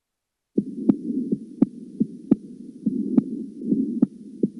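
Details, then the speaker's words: Teaching recording for nursing students of an S3 gallop: heartbeat near 75 per minute with an extra low, dull third sound after the second heart sound. "الى الصوت الاس 3"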